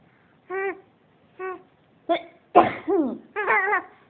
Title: baby laughing#cute baby# mom cough